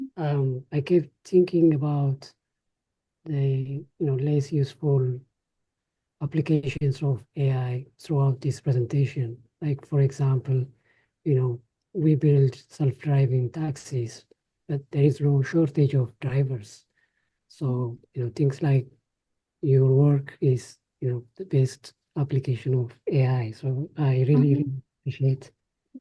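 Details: Adult speaker, audience question in a lecture room; normal fluent speech.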